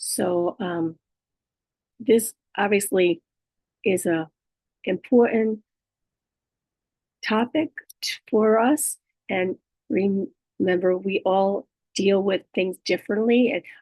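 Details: Adult female with aphasia, apraxia of speech and dysarthria after a stroke, with right-sided hemiparesis. Aphasia with apraxia of speech and dysarthria.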